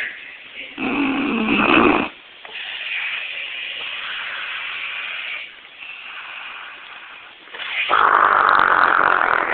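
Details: Snoring in an elderly grandmother asleep while watching TV, who doubts she snores loudly: loud, harsh, rasping snores with quieter breaths between, recorded on a phone with muffled, tinny quality.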